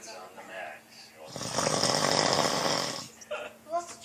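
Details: Loud snoring: a rough, rattling breath lasting about two seconds, with quieter breathing around it.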